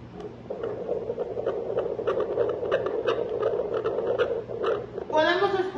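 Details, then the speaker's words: Fetal Doppler moved in circles on the lower abdomen of a pregnant patient: steady whooshing hiss with faint rhythmic scratches; placental blood flow, not the fetal heartbeat. "esos sonidos y pueden ser unidos de la placenta o del diagnóstico"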